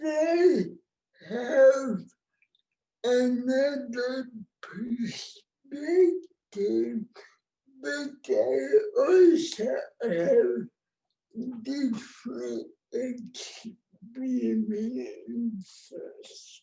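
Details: Adult woman with cerebral palsy, born before the ADA; no speech disorder is named explicitly; dysarthric speech (cerebral palsy).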